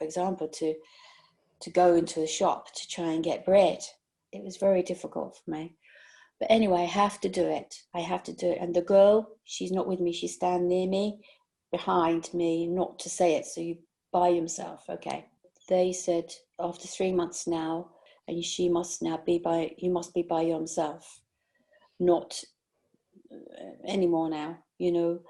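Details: 62-year-old woman with aphasia after a stroke during sleep about 18 months earlier; ongoing speech problems and difficulty understanding fast speech, numbers and reading; interviewer suggests Wernicke's aphasia; aphasia after stroke.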